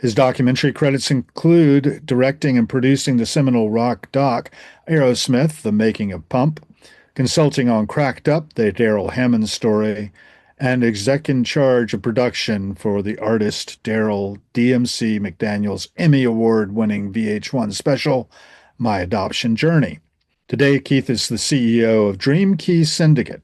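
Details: Adult man speaking; normal voice.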